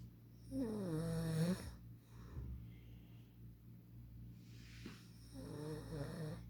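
Low, rattling snores on each in-breath, with quiet breathing out between them: snoring.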